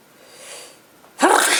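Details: A soft indrawn breath, then one loud explosive sneeze in a small room, from a girlfriend who has a cold.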